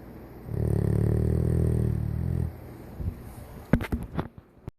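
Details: 14-year-old Golden Retriever snoring while tired and resting peacefully: one long, low, rumbling snore of about two seconds, then quiet with soft rustles.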